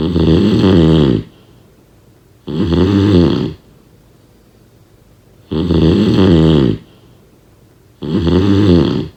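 Loud rattling snores with each breath in, about four in nine seconds, quiet pauses between them. Snoring.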